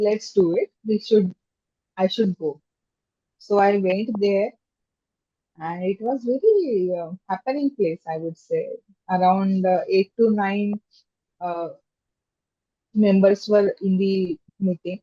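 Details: Stammering in an adult woman, a software engineer, who has stammered since childhood and attends stammering self-help group meetings.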